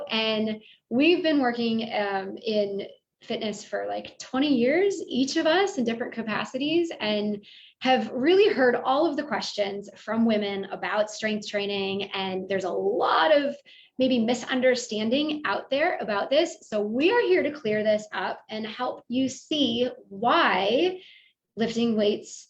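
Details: Adult woman speaking; normal voice.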